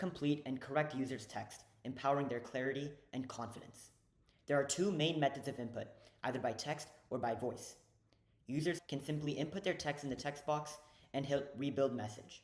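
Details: Adult male narrator; ordinary speech.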